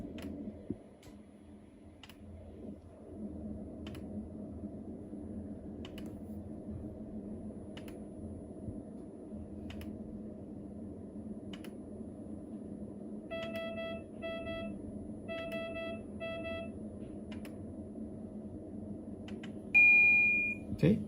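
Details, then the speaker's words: Biolight S12 patient monitor non-invasive blood pressure measurement with arm cuff: inflation hum with regular ticks, short beeps, then louder alert as reading completes, 129/78; patient monitor blood pressure measurement. "now I'm gonna show you how to check the blood pressure to the blood pressure cuff and we'll put it onto the patient's arm and also we wait for the rating and the blood pressure readings will be reflected over here"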